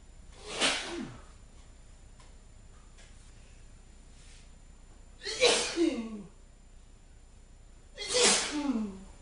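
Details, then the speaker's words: Three deliberate, acted sneezes from a man with an itchy, irritated nose, each with a sharp intake and forceful burst, spaced a few seconds apart over light background hiss. "I'm going to sneeze. I told you I was going to sneeze. I've got a really itchy nose."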